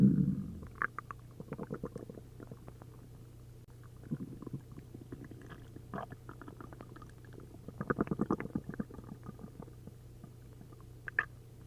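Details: Upset stomach after drinking a liter of milk and a liter of prune juice: repeated runs of bubbling, crackly gurgles over a constant low hum as fluid moves through the gut, giving hyperactive bowel sounds (borborygmi).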